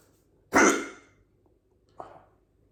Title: Big hiccups